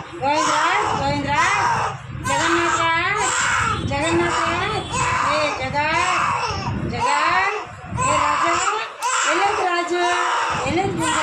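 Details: Two-month-old baby girl during ear piercing: loud, intense, high-pitched crying in repeated wailing bursts with adults' voices behind, a distressed infant pain cry.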